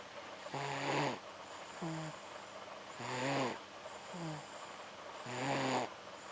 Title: Snoring